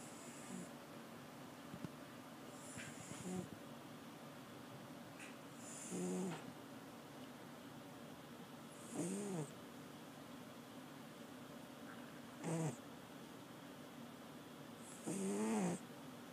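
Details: Seventeen-year-old cat napping in a cardboard box: soft rattling snores about every three seconds with quiet gaps between; ordinary snoring.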